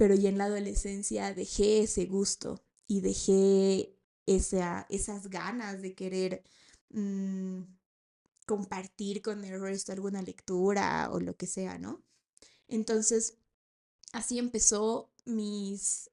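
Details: 28-year-old woman, a speech-language therapist, who has stuttered since age 4 (onset on starting kindergarten) and still stutters, finding P, L, M and T sounds harder: stuttering.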